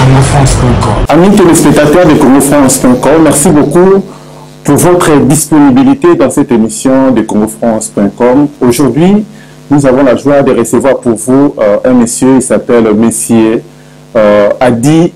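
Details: Adult male speaker; normal voice.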